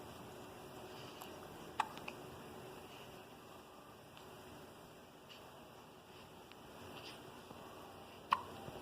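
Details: Female with hiccups: two sharp, brief hiccup sounds about six seconds apart in a quiet room, each followed by a small click.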